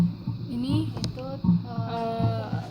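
Regular soft heartbeats at the mitral area, about 80 a minute, with faint tonal background sounds; normal heart sounds.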